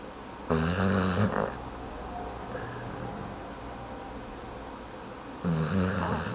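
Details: Two loud, low, fluttering snores separated by quiet breathing in a small room; snoring.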